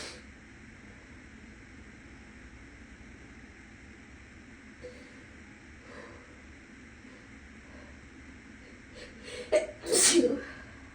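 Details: A person who is still a little sick sneezes in a bathroom: a few sniffing catches over a fan hum from the next room, then one loud echoing sneeze.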